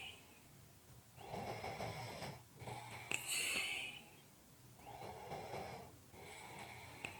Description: This is a 5 minute audio clip of Heavy Breathing / snoring.